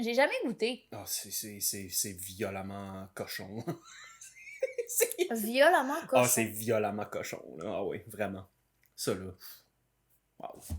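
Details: Adult speaker; normal voice.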